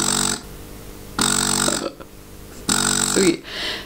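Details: Super Genie electric breast pump running at cycle level 40, its lowest cycles per minute, with vacuum raised to level 16: a slow, rhythmic motor hum rising and falling about 40 times a minute, one pulse per suction cycle.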